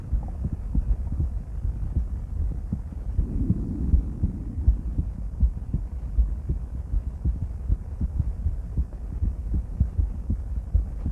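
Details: Female heart auscultated with different stethoscopes at Erb's point, mitral, tricuspid, aortic and pulmonic areas: soft regular lub-dub about 80 a minute under rubbing and hum; normal heart sounds.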